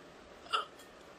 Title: || Woman Hiccups ||